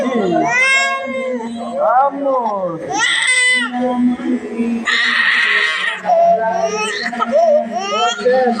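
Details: Loud, high-pitched wailing cries with rising and falling pitch and short catch breaths from an upset baby girl during a haircut; infant crying.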